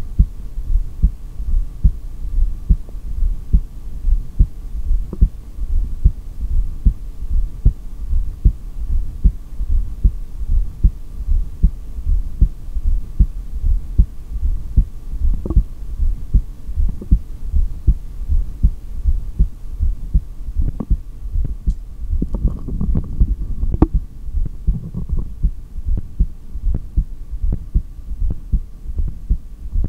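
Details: Heartbeat recorded by stethoscope on the speaker's own chest during an exhaled breath-hold in this single-take recording: steady low heart thumps at about 76 a minute; stomach growls also occur in the recording.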